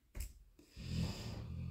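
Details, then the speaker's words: A brief click, then a low, rumbling snore-like breath in a quiet small room: a dog snoring. "je vais pas faire des DP papillon mais comment il ronfle"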